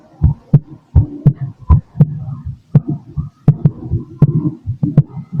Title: MY BEATING HEART 🫀🫀🫀 #heart #heartbeat #auscultation #stethoscope